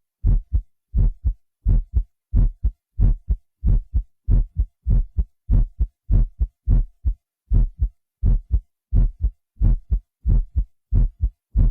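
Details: A man's own heartbeat, recorded by a doctor and digitally processed on a Synclavier system, used in the Smooth Criminal intro: strong, clean paired lub-dub thumps at about 90 a minute; an ordinary heartbeat.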